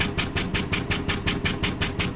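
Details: High-frequency oscillatory ventilator 3100B demo for respiratory care students, 5 Hz (300 breaths/min), inspiratory time 0.33: rapid, even mechanical whooshing pulses.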